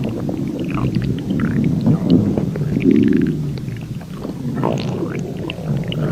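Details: Human stomach growling (borborygmi): loud, low, rolling gurgles and rumbles.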